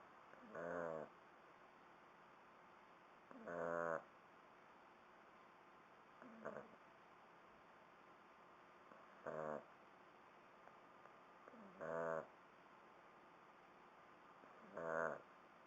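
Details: Shar Pei puppy snoring: short, whistling, nasal snores at a steady rhythm, about 22 a minute, in a quiet room.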